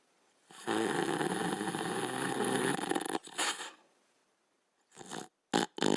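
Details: Border Collie dog snoring while sleeping: long, raspy, noisy breath followed by shorter snorting breaths.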